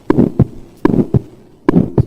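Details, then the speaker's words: Ejection systolic murmur with an ejection click in a teaching recording: a sharp early systolic click, then a murmur that starts loud and dies away (decrescendo) between the first and second heart sounds. "of course there is a ejection kick also so you have the first heart sound second it is a dying down M the mmar sounds with a starts with a loud murmur and then just dies off there is no presentent or Dees push push that's all it just goes down"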